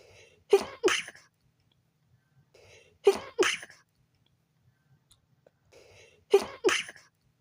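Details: Person trying to sleep at night with a sensitive nose: three sneezes about three seconds apart in a quiet room, each a quick in-breath then a double explosive burst; sneezing.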